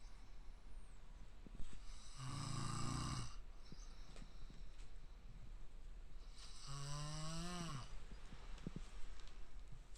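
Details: Man nicknamed a raccoon-dog dad, giant snoring, does not wake even when hit or his eyes are forced open; two loud, long snores about four seconds apart, the second rising into a squealing, whistling tone; heavy snoring.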